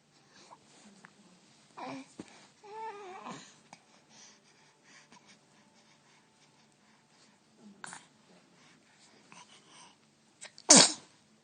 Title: Sneezing adorably.. 😂